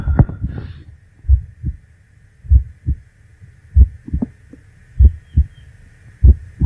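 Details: A slow, loud, regular heartbeat recorded for relaxation: low thumps in pairs at roughly 48 beats a minute; a normal heartbeat.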